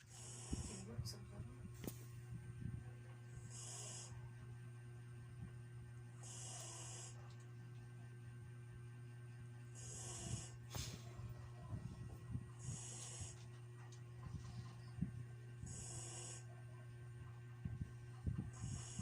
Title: ulti snores